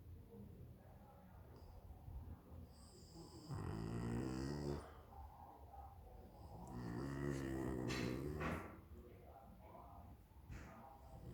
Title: Pugalier Snores.. LOUD